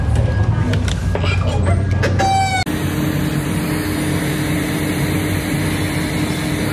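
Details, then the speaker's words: Steady, loud rushing air with a low hum: the cooling air blower running during laser hair removal, giving relief during the treatment. "so as you can see in the video there's that little cool air blowing i don't know if you can hear that loudness behind the camera but that is the air that puff of air that i was telling you about that feels like wonderful relief as the laser is doing its magic"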